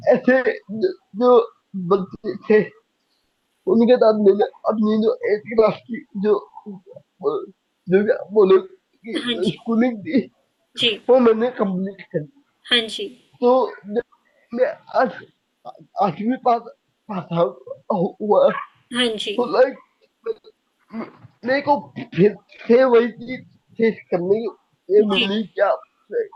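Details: Young adult man with cerebral palsy diagnosed at age 2, unable to speak as a child, still needing double effort to speak clearly; dysarthria.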